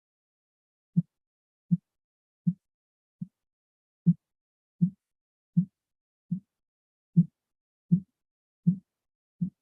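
Regular soft low thumps, about 80 a minute, from a blood pressure training simulator: Korotkoff sounds heard during cuff deflation.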